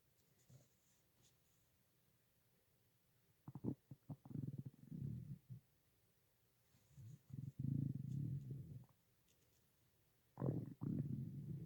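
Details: Stomach growling (borborygmi): low gurgling rumbles in several bursts with quiet gaps, from gas and fluid moving through the gut.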